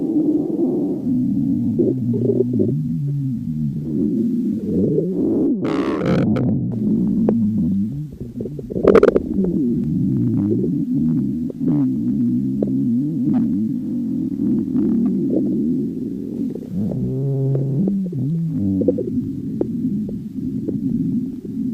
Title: stomach growling 3